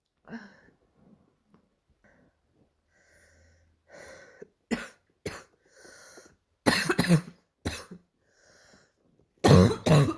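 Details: Adult imitating a barking cough: several harsh, short coughs in uneven bursts with throat clearing between them.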